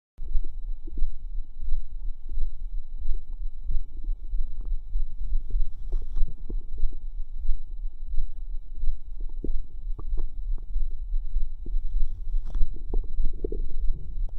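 Irregular low gurgles, pops and bubbling over a steady low rumble with a faint hum; ordinary bowel sounds.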